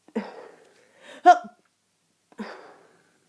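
Short breathy throat sounds and one sharp cough-like burst, in someone with a head cold.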